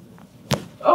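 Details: A single sharp crack during a chiropractic rib adjustment of a patient lying face down, hip lifted, then a brief vocal reaction; joint cavitation.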